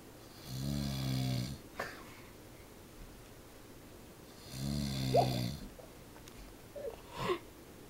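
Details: Adult man (a father) snoring while asleep, off camera: two deep, vibrating inhaled snores about four seconds apart, each followed by a short exhale.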